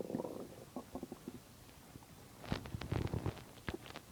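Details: Soft low gurgles and rumbling bursts, louder in the second half, from a stomach digesting a large meal; normal borborygmi (stomach growling).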